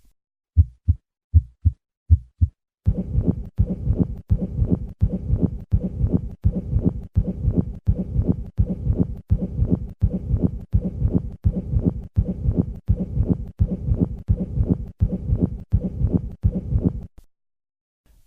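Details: Pericardial friction rub (two-component).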